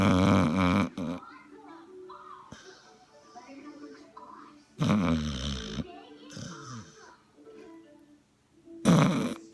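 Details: Sleeping dog: loud, rough snorts recurring every few seconds between quieter breathing, faint background sound; dog snoring.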